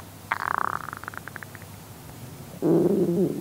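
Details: Stomach growling (borborygmi) from a male red panda: a bubbling, pulsing gurgle that fades out, then a lower, longer rumbling gurgle.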